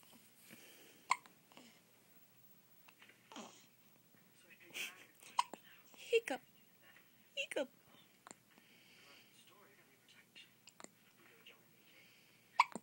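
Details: Baby daughter with hiccups, which she gets after every feeding: short, sharp, irregular catches of breath among soft vocal sounds in a quiet room.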